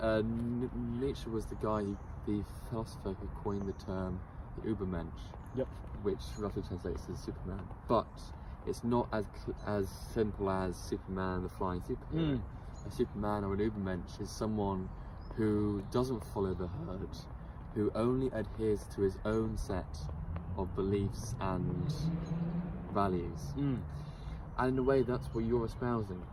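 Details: Adult male group member who stutters, reportedly fluent only in some settings; spontaneous conversational speech with word repetitions; stuttering.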